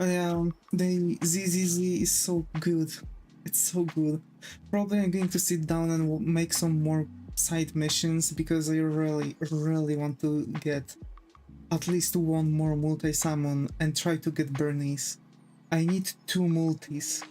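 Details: Adult streamer who stuttered heavily as a child and never saw a specialist; he says learning to talk fast largely resolved it, with occasional mild stuttering remaining.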